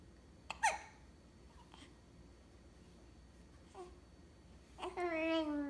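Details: Infant with hiccups: sharp, brief hiccup sounds, each followed by soft vocal sounds and babbling; ordinary infant hiccups.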